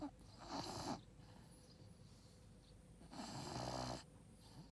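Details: Dog named Bert snoring while napping: two slow, rasping snore breaths, each about a second long, with quiet pauses between.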